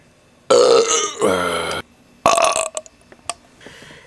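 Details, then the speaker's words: Belching after drinking an icy Coca-Cola: two long, loud, drawn-out burps followed by a few small hiccup-like bursts. "I'm going to have a big burp mix it up Churn it all up and there we have the burp here oh my God it's going to be big oh yeah that's what I'm talking about"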